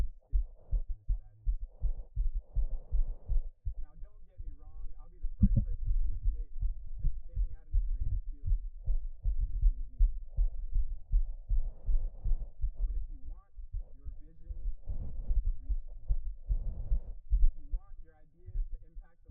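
Fast, pounding low thumps of an adult heartbeat picked up by a microphone, with faint voices in the background.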